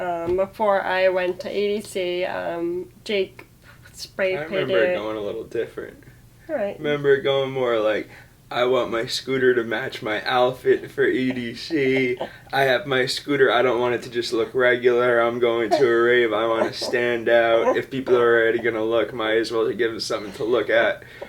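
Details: Adult woman speaking; plain speech.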